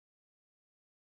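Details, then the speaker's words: After a brief silence, a low-pitched, snore-like musical breath sound of lower intensity than a wheeze builds over about half a second: rhonchi. "este es un sonido musical de menor intensidad que la asimilan cya y es similar a un ronquido"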